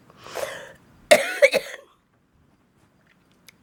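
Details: Adult woman with cystic fibrosis has a short fit of about four harsh, wet coughs with a throat clear, typical of her chronic productive cough.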